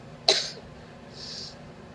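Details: A woman coughing during a Labor Day outdoor speech in Cleveland, Ohio, which she attributes to an "allergic reaction": one sharp, abrupt cough burst that fades quickly, then a soft airy inhalation over low room noise; dry cough.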